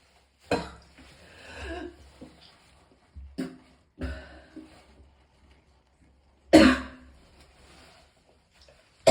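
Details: Four harsh, irregular coughs with strained, retching-like tails in a quiet room, from a person in extreme pain who vomited several times that day: coughing.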